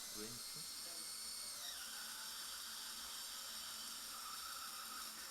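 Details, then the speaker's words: Live immediate implant surgery in the mandibular anterior region (teeth #31, #42): a steady high-pitched motor whine, its pitch dropping slightly under load, as a 2 mm Lindemann drill prepares the osteotomy about 13 mm deep for an 11 mm fixture. "Now Dr. Park starts drilling. I think he's using the Lindemann guide drill. The diameter looks 2 millimeter."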